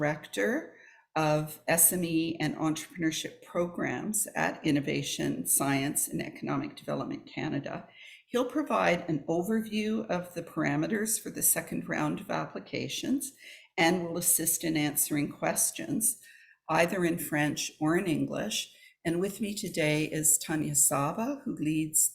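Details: Adult woman speaking; normal speech.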